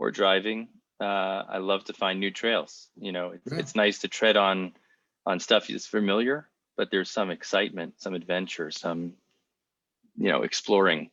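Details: Adult male speaker; typical speech.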